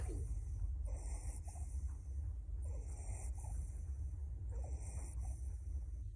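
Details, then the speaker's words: Child's biphasic wheeze, noisy breathing with faint musical wheeze on both inhalation and exhalation, about 30 breaths a minute; a lower-airway sound that is mainly expiratory, can be heard in both phases, and is a symptom of many diseases. "đây là tiếng thở bất thường của đường hấp dưới chủ yếu chỉ thở ra và có thể hai thì có thể nghe được bằng tai hoặc có nghe và chủ yếu nghe là triệu chứng của nhiều bệnh lý khác nhau"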